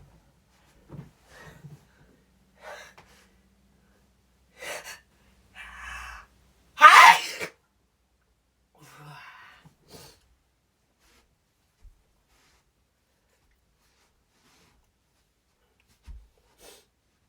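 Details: Quiet catching inhalations build up to one loud, sharp sneeze burst, then soft breathing; a sneeze preceded by gasping breaths.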